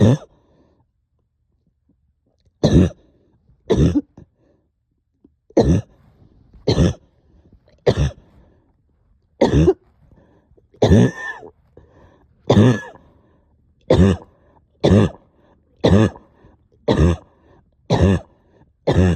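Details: Productive cough after a night up coughing, with chest heaviness and headache: about fifteen irregular single coughs, some throaty and phlegmy, in a quiet room, bringing up stubborn sticky phlegm.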